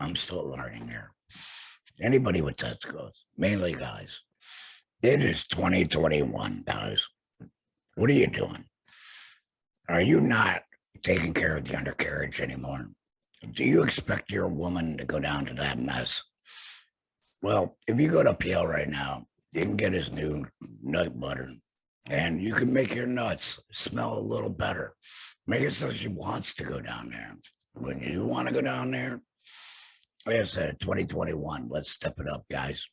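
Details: Adult male laryngectomee after throat cancer, vocal cords removed; alaryngeal speech after total laryngectomy.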